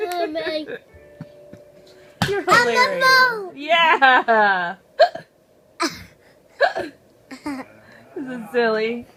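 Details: Child laughing and chattering, cracking up at hiccups, broken by several short, sharp hiccup sounds; described as a fake hiccup.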